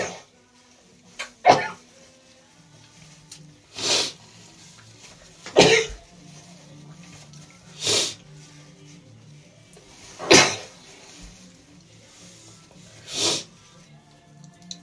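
Six explosive sneezes about every two seconds against a quiet room, in a person with a cold.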